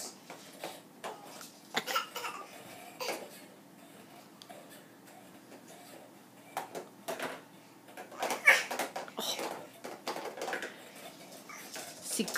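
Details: Child with a bad cough in a quiet indoor room: short, harsh coughing bursts scattered across the clip.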